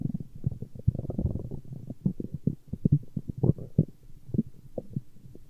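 Low gurgling and rumbling bursts, irregular and continuous, typical of stomach growling from gas and fluid moving through the gut; a normal finding.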